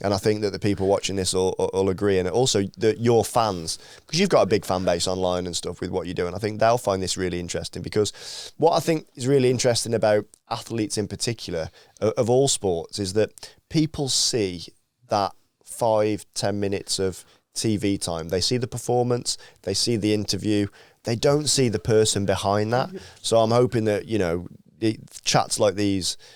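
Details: Adult man speaking; Normal speech.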